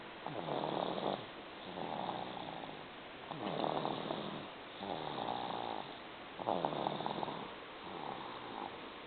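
Rhythmic rasping snores on each breath, about 20 breaths a minute, from a sleeping cat.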